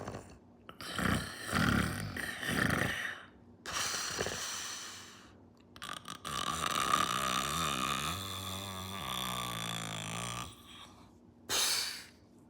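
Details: Person imitating snoring while awake: exaggerated snorting, rattling snore sounds with a drawn-out throaty groan, not real sleep.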